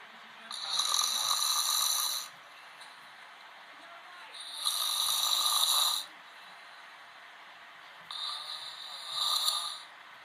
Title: Man snoring channel 5 tv channel 5 tv channel 5 tv